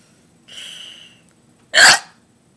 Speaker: man my computer is moving every time my hiccup it shakes o that was a deep one just keep on coming never going to stop